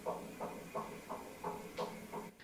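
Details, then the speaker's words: Rapid, regular whooshing pulses at about 175 a minute, described as a "kong-kong" baby heartbeat, played at a museum exhibit recreating a 1970s obstetrics clinic: fetal heartbeat on Doppler ultrasound. "소리가 나요. 콩콩콩콩 하는 소리가 나는데 이게 아기 초음파 소리예요."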